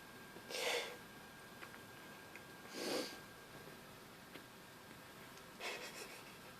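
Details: Cat sneezing three times in quick succession, each a short, sharp, hissy burst of air.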